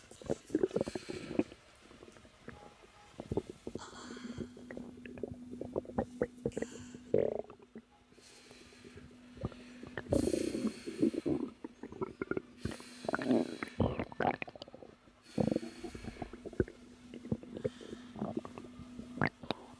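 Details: Irregular gurgling and rumbling stomach sounds with occasional low sustained tones, ordinary stomach growling in a woman about 3 months pregnant while relaxing.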